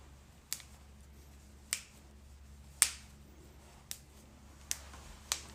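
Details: Back adjustment with six sharp, separate joint cracks (cavitation) over a quiet hum; described as very loud.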